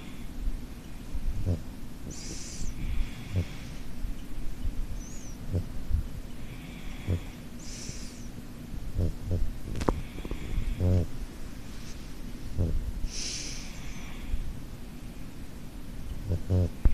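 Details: Snoring during sleep from room mates, one above and one right beside the recorder: rhythmic rough breathing noises about every five to six seconds over a low rumble.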